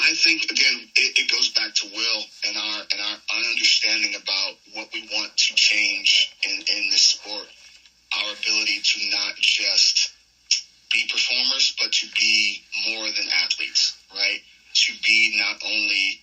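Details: Adult male with a self-reported stutter, long causing nervousness about speaking, which he says goes away when cutting promos; real, unscripted podcast conversation; finding: stuttering.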